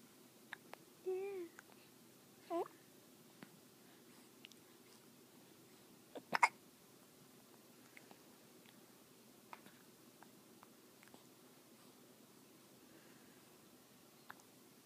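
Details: Hiccups in a 2-month, 17-day-old smiling baby: a few sharp, brief jerky bursts amid soft baby sounds in a quiet room.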